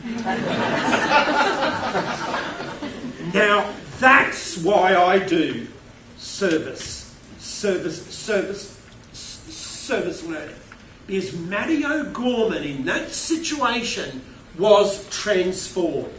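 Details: Stuttering with word repetitions in an adult male keynote speaker who states he has a stutter.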